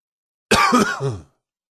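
One loud, harsh, voiced cough lasting under a second, ending in a rough throaty rumble; a single cough.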